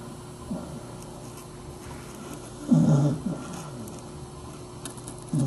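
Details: Sleeping dachshund dog under a desk snoring: low, rough snorting snores recurring every few seconds over a steady background hum.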